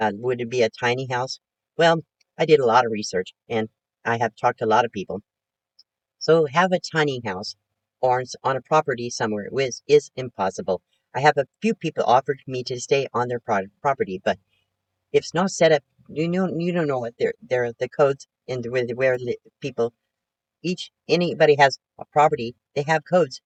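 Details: Aphasic speech in a 72-year-old woman recovering from her second major stroke, which she says affected her thinking; talking much better, with repetitions, self-corrections and word-finding difficulty.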